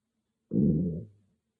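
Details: Own stomach growling recorded on an iPhone without a special microphone: one low, bubbling rumble fading out in under a second; ordinary bowel sounds (borborygmi).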